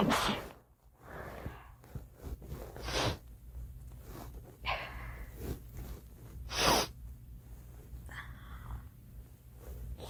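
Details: A girl sneezing: several short, sharp bursts of air with quick gasping breaths between, a run of sneezes, followed by "Ouch!".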